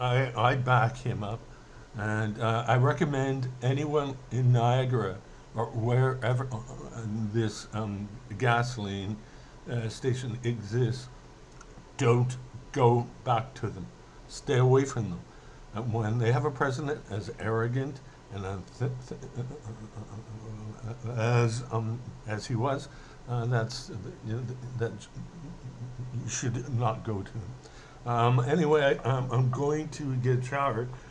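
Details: Stuttering in an adult male with a self-described slight speech impediment, possibly after a brain hemorrhage; he stutters mainly when emotional, and he is speaking in an emotional rant here.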